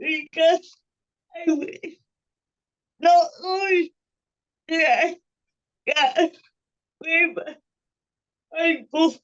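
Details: Woman with cerebral palsy speaking as a panelist, with her speech revoiced by another speaker; dysarthria (cerebral palsy).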